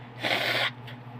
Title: induced sneezing.